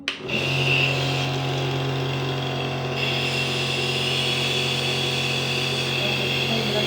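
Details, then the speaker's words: A click, then the steady low buzzing hum of a home compressor nebulizer being switched on and running continuously, during a demonstration of setting up a nebulization kit. "So போட்டு இங்கே button ஒன்று இருக்கும், on off button. So on பண்ணிவிட்டு ஸ்விட்ச் போட்டுட்டா ஒரு நிமிஷம். ஸ்விட்ச் ஆன் பண்ணிட்டேன்னா"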